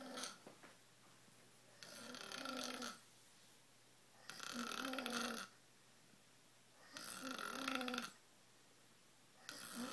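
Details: Loud, harsh, rasping snores from a man who has passed out asleep, about 24 a minute, with quiet pauses between them; heavy snoring, described as sawing logs.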